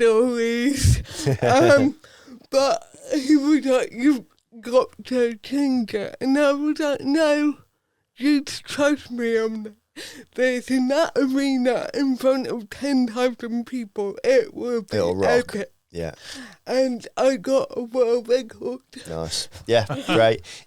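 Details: Adult woman with cerebral palsy from birth affecting her speech, Paralympic dressage rider; dysarthria (cerebral palsy).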